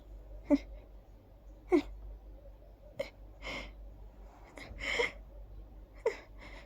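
Sharp, abrupt catches in the breath, about one a second with small gasps between them: hiccups.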